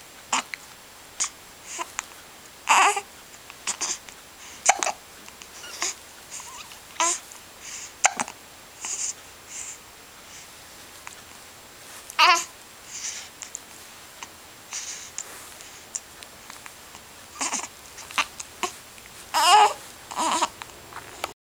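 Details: One-month-old baby with hiccups: repeated brief, sharp hiccup squeaks roughly every second or two, with soft babbling between them.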